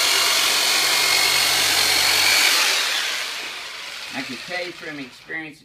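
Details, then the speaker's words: Powered soft-tissue release instrument ("Turbonator") used by a chiropractor on the sides and hamstrings of a large adult male with low back pain: loud, steady high-pitched motor whir that fades out, then brief voices. "okay now Robert's pretty good size guy so I'm going to pull out the turbo nator on him so Robert just going to sound like I'm sing you in half but I'm not so take some deep breath"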